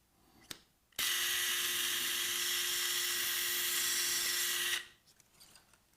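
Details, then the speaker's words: About four seconds of steady high power-drill whine, eccentrically drilling bone through the oblong hole of a medial malleolus hook plate for a non-locking bicortical compression screw during ankle fracture surgery. "once the plate is positioned properly and fixed to the Bone we're going to eccentrically drill this through the oblong"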